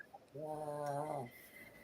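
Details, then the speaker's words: A male dog sleeping on a couch snores once, a buzzing, tonal snore about a second long in a quiet room; snoring. "Peggy don't hear the hard drive but do you hear the dog snoring"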